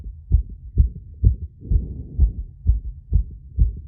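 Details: Self-recorded phonocardiogram after intense exercise with breath-holding and rapid squats to induce temporary arrhythmia: fast, fairly regular low heartbeats at about 130 beats a minute, a rapid heart rate (peak reported 170 BPM).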